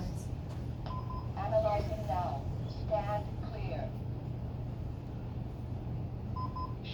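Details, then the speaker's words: Two-person CPR training with an AED: electronic beeps around a short voice prompt over room hum as the device analyzes the rhythm and advises a shock. The rescuer then clears the patient and pushes the shock button. "advised now what do I do [Music] clear the patient I make sure no one's touching the patient and then I push the shock button"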